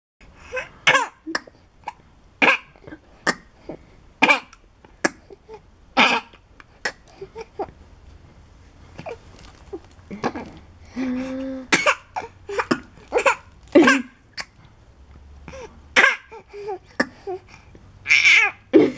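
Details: 3-month-old boy gives a long series of small, short, dry voluntary coughs on purpose, no illness, because he has learned his mother will kiss him when he acts sick; a fake cough.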